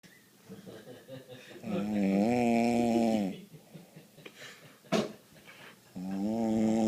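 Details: Long, droning, tonal snores on the in-breath with quieter breathing between; steady snoring during sleep.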